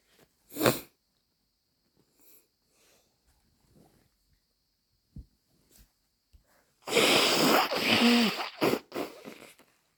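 A sharp sneeze burst early, faint sniffs and breaths, then a longer noisy burst of sneezing with voice near the end.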